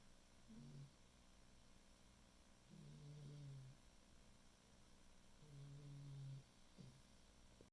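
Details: Soft, low, buzzing snores on a few breaths, faint against steady room noise: quiet snoring.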